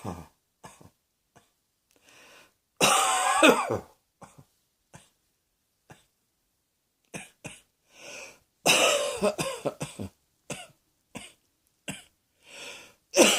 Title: Cross Dressing Coughing 43